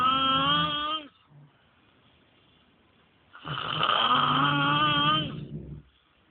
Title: roncando